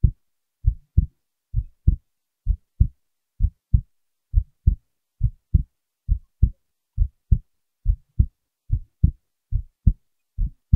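Regular paired low thumps, lub-dub, at about 68 beats a minute; a normal-rate heartbeat.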